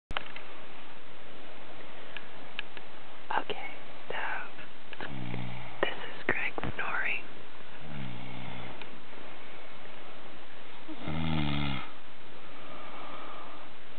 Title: snoring 1